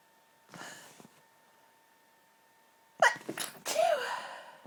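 A quiet breathy intake, then sharp, partly held-back sneezes in quick succession with muffled voicing; forceful stifled sneezing.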